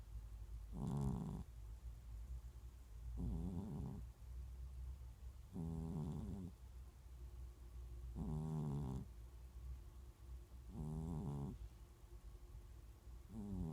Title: Snoring Catㅣ코고는 고양이